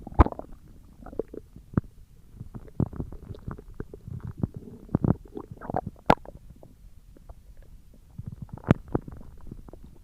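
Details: ASMR recording of stomach growling: irregular low gurgles, pops and rumbles from the belly; borborygmi.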